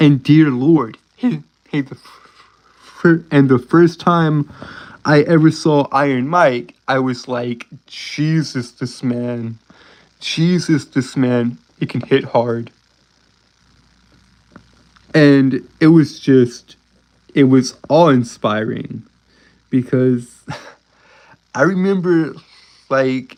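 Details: Male with a self-described speech impediment causing uncontrollable stuttering: stuttering.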